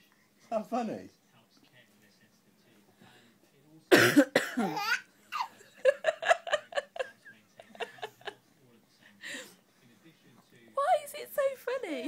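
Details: Adult mother who is ill with a cough: burst of harsh coughing, followed by her baby son's giggles and laughter.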